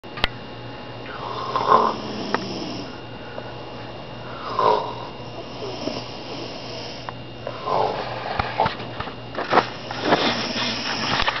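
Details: Snoring in a sick sleeping friend: noisy, irregular snoring breaths with snuffles and clicks over steady room noise.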